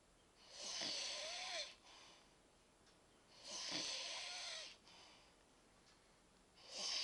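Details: Loud rattling snores on each in-breath, about 20 breaths a minute, with quiet out-breaths between them; snoring.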